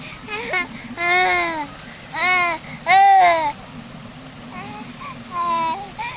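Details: Five-month-old baby fussing for his mother's milk: bursts of voiced fussing and whimpering with rising and falling pitch, attention-seeking hunger sounds.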